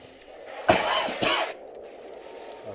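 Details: Two short, harsh cough bursts from an adult with hay fever, in a quiet room during a gameplay recording.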